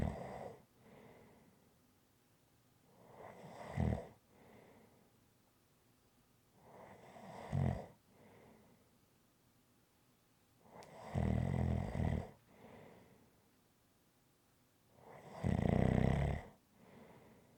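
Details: Regular low, rattling snores on each in-breath, about every four seconds, with softer out-breaths between, from a rhythmic snoring recording made as ASMR; snoring.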